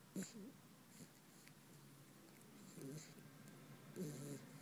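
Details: Sleeping puppy dreaming: soft, faintly whistling snores in a quiet room, with weak breaths roughly every two seconds; snoring.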